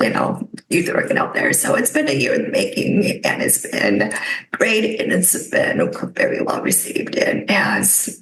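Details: Adult woman with spasmodic dysphonia caused by neck trauma about 5 years ago, unable to speak for about 2 years, now treated with Botox injections into the neck that help but do not cure; spasmodic dysphonia.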